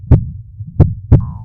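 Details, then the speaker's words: Cartoon sound effect in a Peppa Pig storybook read aloud, a simulated heartbeat heard through a doctor's stethoscope: three deep, regular thumps at about 60 to 90 beats a minute ("bumpy dump"). "Dr polar bear put the stethoscope earpieces on Peppa's ears said Peppa it's going bumpy dump bumpy dump bumpy dump"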